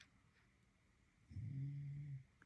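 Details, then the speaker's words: A single low, rumbling snore after a quiet pause from a pet dog sleeping after a big day out; snoring. "can you hear Jack snoring that's him"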